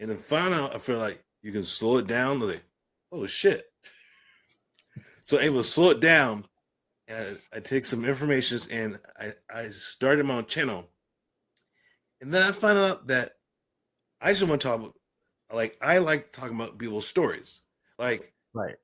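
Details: Adult man with aphasia following a stroke, speaking in conversation.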